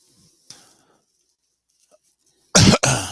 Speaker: me, it sounds like I'll be coughing a lot tonight. Bear with me. I'm fine, so don't worry about that. Just coughing.